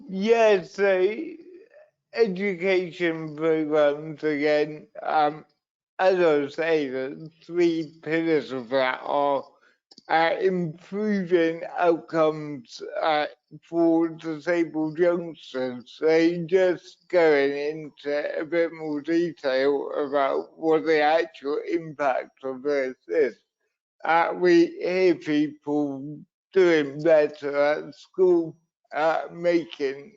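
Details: Adult man who says his disability affects his voice and leaves him wobbly and unsteady on his feet, elsewhere describing cerebral palsy from an accident at birth; dysarthria.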